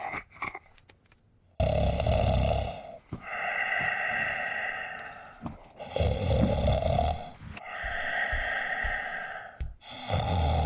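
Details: Simulated claymation sound of a giant 250cm bear snoring: loud, rough snores on each breath, three long rattling snores in about ten seconds with quiet gaps; heavy snoring.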